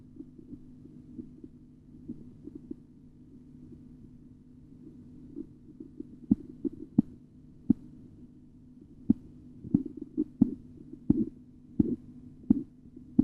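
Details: Korotkoff sounds during auscultatory blood pressure measurement: sharp tapping beats emerge from a low hum and grow louder as the cuff deflates.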